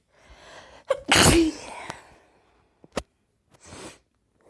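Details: Four sneezes in a row, each a quick breath in followed by an explosive burst of air.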